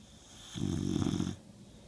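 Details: Sleeping dog: a single loud, low, fluttering snore.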